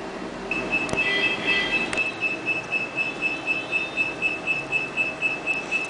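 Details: Zolar dental diode laser firing during extraction of a retained deciduous canine and exposure of the permanent canine: steady high-pitched beeps about four a second, with suction noise and sharp clicks.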